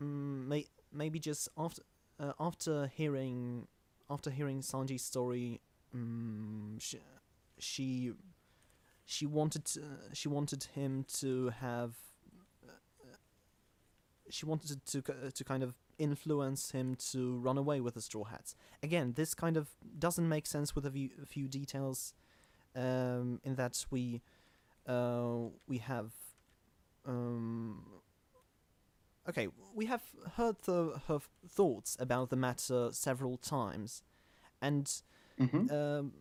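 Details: Real stuttering in a self-described stammering podcast host.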